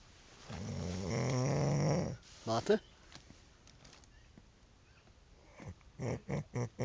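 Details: Snoring in sleep after camping and drinking: one long, rough, rattling inspiratory snore, then short snorting bursts and quiet breathing.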